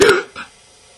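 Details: One abrupt, jerky voiced catch followed by a softer second sound; an acted, simulated hiccup from a boy with chronic hiccups.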